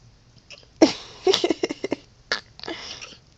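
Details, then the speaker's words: A dog with hiccups: short, abrupt bursts of air including a quick run of jerky puffs, light room noise; hiccups. "my dog has hiccups canny he has hiccups he has hiccups can you all"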